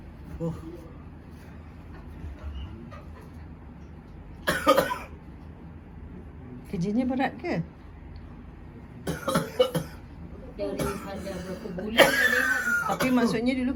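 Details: Adult with persistent cough for a month, also lung complaint, constipation and low back pain: several harsh, chesty coughs with groaning voice sounds and low room hum between them.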